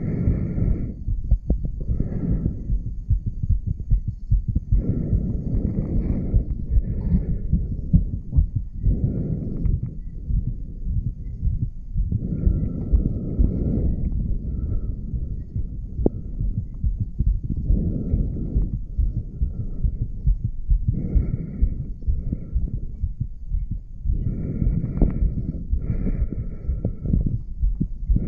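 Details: A 34-year-old man's heartbeat recorded at the aortic valve area: low, muffled heart thumps amid rubbing noise and faint steady tones; normal heart sounds.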